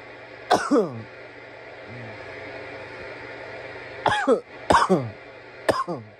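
Harsh, explosive coughs: one near the start, then a cluster of three after a pause. Irritant coughing after smoking.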